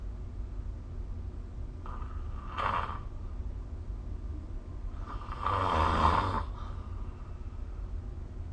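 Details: Snoring during sleep recorded with the SnoreLab app: two rough, rattling breaths, the second longer and louder, over a steady low room hum.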